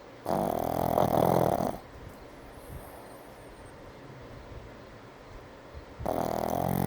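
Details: A brindle Pug snoring during an afternoon nap: two loud, rough, rumbling snores with a quiet pause between breaths.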